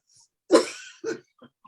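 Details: A single cough from a person during a hypnosis-style healing session, encouraged to let it out.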